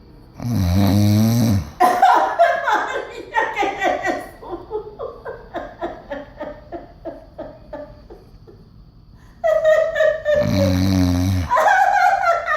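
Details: Man snoring while a woman laughs.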